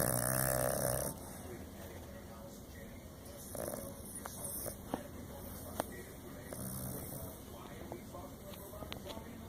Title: Little Dog Snores SUPER Loud!!!!